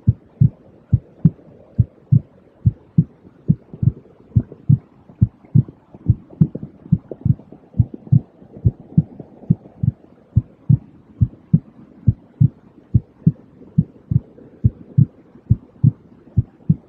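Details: Simulated white-noise heartbeat track for relaxation and sleep: steady, regular low thumps over a faint soft hiss, calm even rhythm; normal heartbeat.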